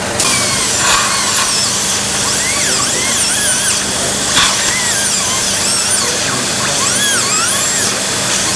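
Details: Continuous high-pitched dental drill whine with shifting pitch, cutting a 12 mm-deep osteotomy with a 9 mm cutter for a basal implant where bone height is 3 mm above the mental foramen; faint music behind.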